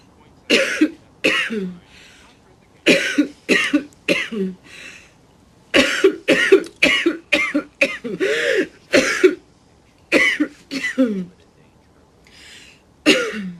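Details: Actresses coughing in acted scenes: repeated short, harsh coughs in clusters of two to four.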